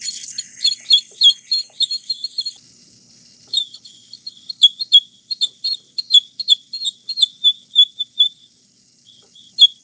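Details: Ultrasonic scaling during an orthodontic cleaning of a patient with braces and bleeding gums, using water spray and suction: high-pitched whistling buzz in repeated short bursts as the scaler tip works along the teeth.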